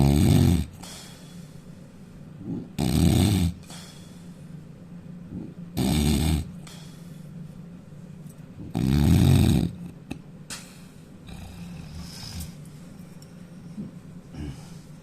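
Loud, deep, rattling snores about every three seconds, around 20 a minute, with quieter breathing between. Heavy snoring.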